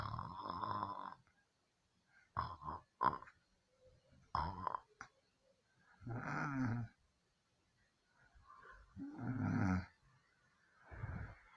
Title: My snore 💗